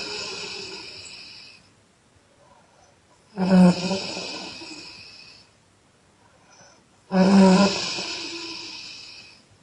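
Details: Young woman snoring loudly on exhalation: loud snores with a strong low rumble, each trailing into a long noisy breath, about 16 a minute; irregular snoring.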